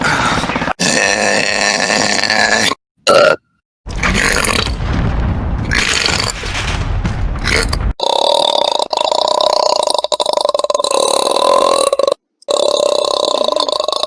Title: Burp Compilation 2